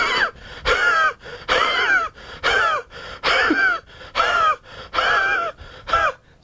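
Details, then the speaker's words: Simulated dry, sawing cough imitated by a homeopathic doctor as the Spongia cough, like a saw through a pine board: rhythmic rasping bursts with no moisture, said to be better with warm drinks. "spongy remember my friends is a very dry cuff so the cuff of spongy is like a saw being driven through a pine board"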